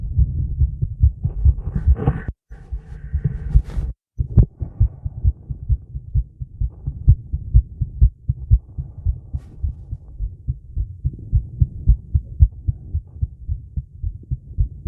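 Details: Female's heartbeat recorded after a 30-second plank, during recovery and breath-hold: quick, regular low thumps with brief handling noise early on; normal heart sounds, fast rate after exertion.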